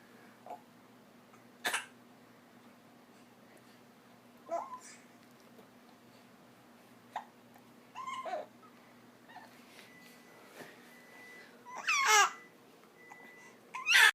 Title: Getting mad at the hiccups.